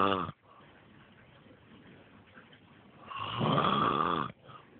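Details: Adult man (father) sleeping on a trampoline: two loud rattling snores, one brief and one longer, separated by quieter breathing and room noise; loud snoring.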